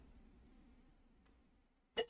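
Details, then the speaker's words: Example from a brachycephalic obstructive airway syndrome (BOAS) seminar: after quiet breathing, a dog gives one brief, harsh, high-pitched squeaky breath. This is stridor from a narrowed upper airway. "Now this is stridor. This is a high pitched sound."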